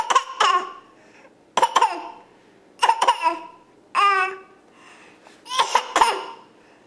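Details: Child deliberately faking a cough at mealtime: several short, voiced cough bursts, some breaking into laugh-like sounds; imitated voluntary cough.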